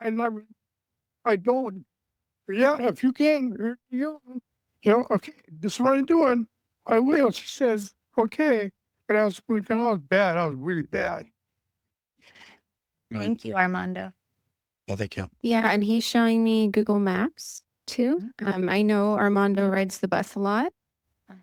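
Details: Stroke survivor with aphasia, in an aphasia support group for six years; finding: aphasia.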